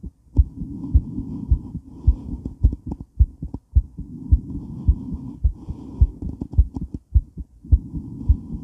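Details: Woman's heart recorded while moving during and after weight training: strong, regular heartbeats at about 107 a minute with steady movement noise and heavy breathing; a fast, pounding heart after exercise.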